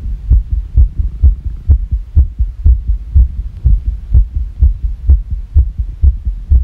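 Strong, fast low thumps at about 125 beats a minute with fairly even spacing; a rapid heartbeat, irregularity not clearly heard.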